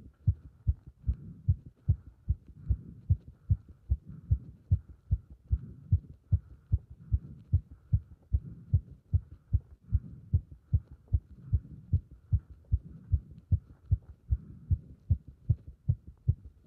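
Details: Heart sounds recorded with pressure on the chest during squats: fast, regular heartbeat at about 150 beats a minute, a quickened heart rate with exertion.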